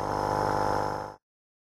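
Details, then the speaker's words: Nebulizer compressor running with a correctly assembled kit, as used for COPD, asthma, pneumonia or other lung disease: steady mechanical hum with fast rattling buzz that stops abruptly; mist forms during the 10–15 minute treatment. "I'm going to go ahead and turn this on and demonstrate what it should look like and sound like if you have your kit correctly put together"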